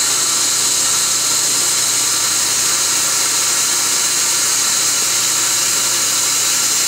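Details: Laser-assisted root canal treatment on upper bicuspid #12 (laser access, canal debridement, disinfection and drying before sealing): continuous loud high-pitched hiss and whine of dental laser and instruments.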